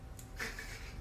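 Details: A single sneeze: a brief sharp intake followed by a short, muffled burst of air over faint room noise.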